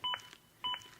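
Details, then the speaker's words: ZOLL AED Plus demonstration with Real CPR Help: two paired electronic metronome beeps about 0.6 s apart, an adaptive metronome monitoring chest compressions and pacing them to at least 100 per minute, with a "good compression" prompt. "the beeps act as an adaptive metronome that monitors my compressions and tries to speed them up to at least 100 per minute good compression"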